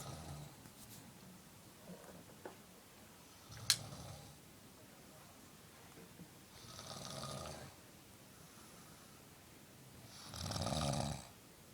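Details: A brother who denies snoring makes rough, rattling breathing noises in his sleep every few seconds over a steady room hum: snoring.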